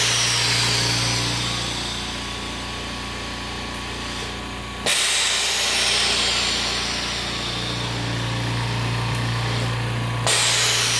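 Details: DIY OxiKit oxygen concentrator running normally with a cooling fan beside the compressor: steady loud compressor hum and hiss, with a sharp valve release about every 5 seconds on a five-second sieve cycle with 300 ms equalization.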